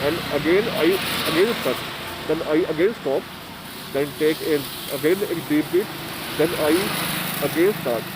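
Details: Person who stammers, speaking Hindi and English while presenting block correction techniques as a course task; stuttering.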